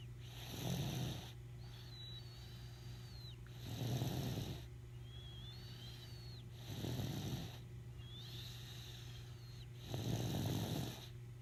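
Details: Four rough, rattling snores about three seconds apart, with a faint whistle between them over a steady hum; baby snoring.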